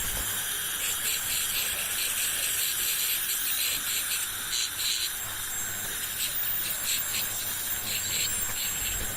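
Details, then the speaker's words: Ultrasonic scaler removing black tooth stain in a dental office, with water spray and suction: a steady high-pitched hiss pulsing as the tip moves across the tooth surfaces; the sound comes from the suction and the scaler. "And the scaler doesn't damage the teeth, just remove the attached stuff. The sound is caused by the suction and the scaler."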